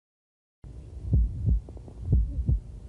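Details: Hypertrophic cardiomyopathy with dynamic subaortic obstruction: short, squeaky, high-frequency systolic murmur, usually loudest along the left sternal border.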